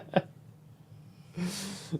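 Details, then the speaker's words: Pet dog snoring in a quiet room during a live stream: a short snort, pause, then a longer rough noisy breath ending in another snort. "I don't know if you hear that my dog is snoring very"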